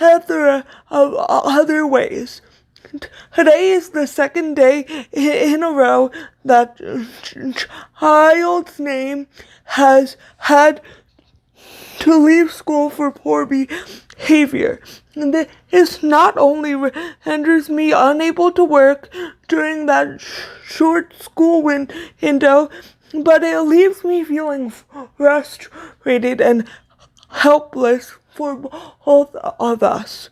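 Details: Stuttering in a woman with cerebral palsy, a neuromuscular disorder affecting motor control including speech; she says her stutter worsens when reading aloud, and here she is reading aloud.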